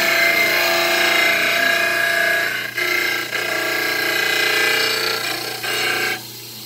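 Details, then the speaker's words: Dental lab model trimmer: loud steady motor whine with rough grinding as a stone dental cast is pressed to the spinning wheel, rounding the anterior from cuspid to cuspid, easing briefly between passes. "And then we're rounding out from cuspid to cuspid. So we're going to go from this cuspid to this cuspid, and we're going to round it out."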